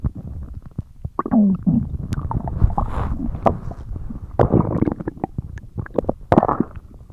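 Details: Stomach growling; borborygmi.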